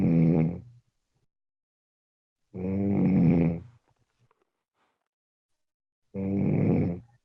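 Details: Sleeper snoring, recorded Wednesday 15 March 2017 at 04:17: three loud, low, buzzing snores with silent pauses, roughly one every three seconds, irregularly spaced; snoring.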